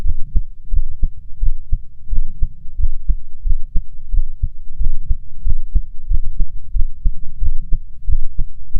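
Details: Own heart auscultated at four points through a stethoscope: regular lub-dub heart sounds at about 90 a minute with steady low hum behind; heart sounds.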